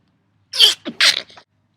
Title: watch me sneeze